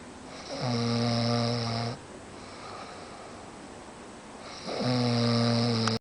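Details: Sleeping adult man: loud, droning, buzzy snores with a whistling edge about three seconds apart, quieter exhalations between; heavy snoring.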